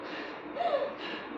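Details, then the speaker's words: Mouth imitation during a respiratory auscultation teaching demo: a brief breathy hiss with a short whistling note, mimicking the wheeze (rhonchi) heard when bronchi constrict. "जब बहुत वो ऐसे constrict हो जाते है ना Broca's तो सीटी जैसा साउंड आता"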